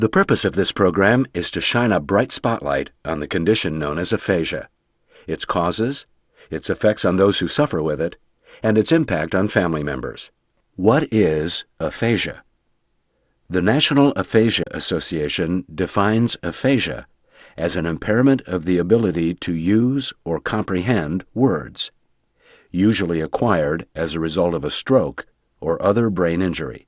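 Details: Adult male narrator; normal speech.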